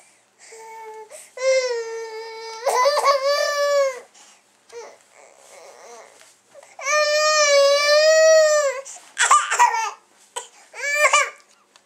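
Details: A baby girl with new teeth cries in loud, drawn-out wails broken by short gasping breaths, with a clear tone throughout: an ordinary infant cry.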